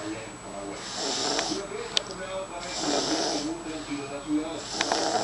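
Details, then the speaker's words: Baby who has snored since birth, like her parents: rough, rattling breathing noise about 30 times a minute with household background noise; snoring in an infant. "Pues esta bebé ronca desde que nació. Igual que papi y mami, no, mi amorcito."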